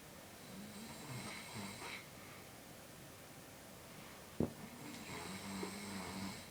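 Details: Man snoring: soft, rumbling snores on the in-breaths with a faint snort between them, against quiet room noise. Ordinary snoring.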